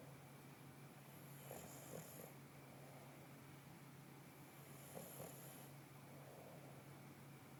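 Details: Eight-month-old English Bulldog puppy resting and sleeping on his bed, snoring: faint, soft snoring sounds in two short bursts over a steady low room hum.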